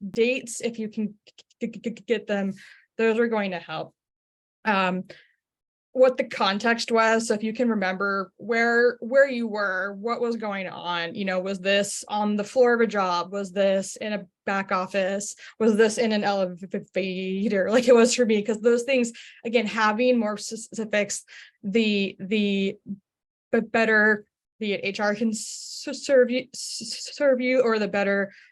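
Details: Adult HR professional who stutters, speaking in a webinar; stuttering.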